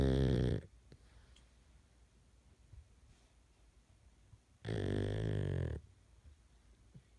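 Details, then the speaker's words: A pug dog snoring in the middle of the night: two loud, rough, rattling snores about four seconds apart, with quiet breathing between them in a still room. "That is my pug snoring in the middle of the night."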